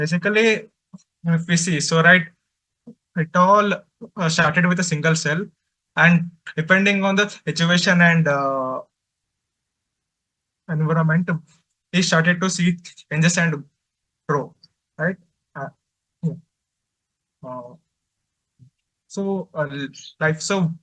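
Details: Adult man who says he stutters, finds speaking difficult especially with different people, and reports blocks while speaking; stuttering.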